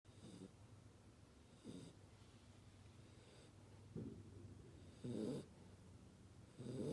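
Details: 2-month-old Chocolate Labrador puppy snoring while asleep during fireworks outside: soft, low rattling snores at uneven intervals, with quiet breathing between them.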